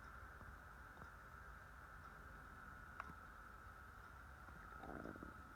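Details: Low gurgling rumble from an empty stomach over a steady background hum: borborygmi.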